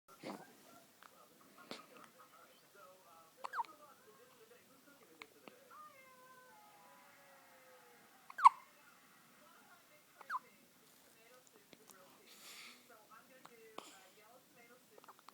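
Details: One-week-old with hiccups: several brief, sharp, irregularly spaced catches in a quiet room, with soft meow-like sounds between them. Hiccups.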